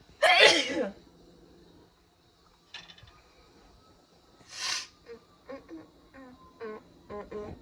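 Two sharp, hissing sneezes with a quieter catch between them, then brief vocal sounds over soft background music. Sneezing.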